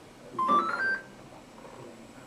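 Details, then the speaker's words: Ready beep from an F&P Airvo 2 high-flow nasal cannula oxygen device after setup, signalling it has recognised its settings and is ready for use. "o zaman pik verdi Yani bütün dileklerini tanıdı şu an Kullanıma hazır anlamına geliyor"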